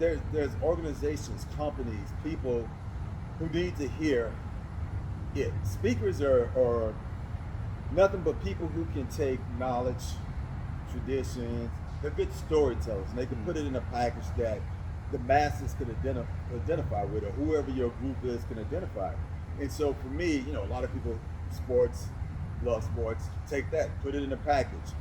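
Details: Adult man who does public speaking and says he stutters; stuttering.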